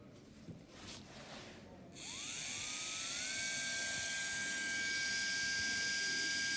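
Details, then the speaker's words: Trepanation at the cingulum of an upper canine for a class I pit cavity: a round bur on a contra-angle handpiece, angled 45° to the tooth axis. After quiet, a high-pitched dental drill whine rises and holds steady. "Donc, avec une fraise boule montée sur contre-angle, j'oriente ma fraise comme ceci. 45 degrés par rapport à l'axe de la dent."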